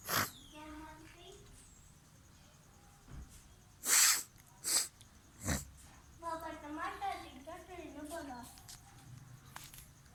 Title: Sneezing Videos 3 #shorts